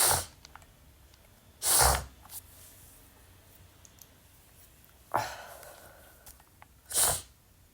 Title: sneezing (m)